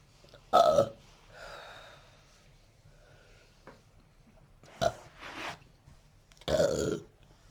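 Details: Three loud, short, voiced burps with quieter breathing and small throat noises between them: ordinary belching from a person whose burping then turned into an uncontrollable hiccup attack.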